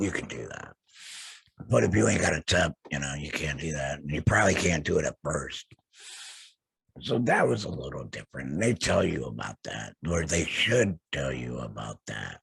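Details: Alaryngeal speech in an adult man after total laryngectomy for throat cancer, vocal cords removed.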